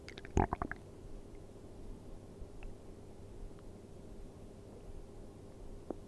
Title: 【ASMR】空腹で寝てる時のお腹の音1時間/Stomach sound for 1 hour when sleeping on an empty stomach